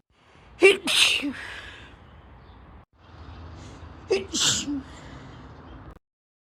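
Two sneezes, each a quick inward gasp followed by a sharp explosive burst through the nose and mouth.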